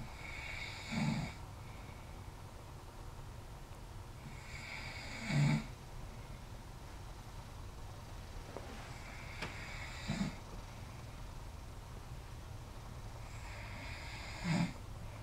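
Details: Four soft, rough snoring bursts over fifteen seconds, each with a low flutter and hiss, about 14 a minute against quiet room hum, taped to prove a point; ordinary snoring.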